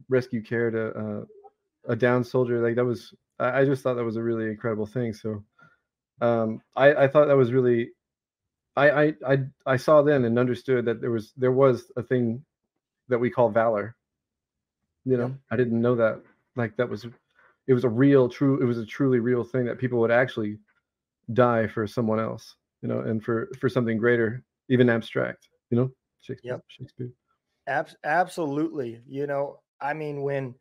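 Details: Adult male Navy veteran whose military career ended after he developed Tourette syndrome; a repeated-word vocal tic occurs while he speaks; Tourette syndrome with vocal tics.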